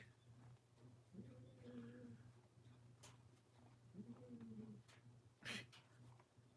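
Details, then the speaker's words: Two soft, droning snores about three seconds apart from a sleeping cat, over a low room hum with a few clicks: cat snoring. "you hear the cat snoring"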